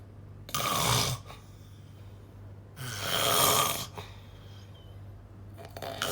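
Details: Loud snoring: two rough snores on breathing in, a few seconds apart, with quiet breathing between them.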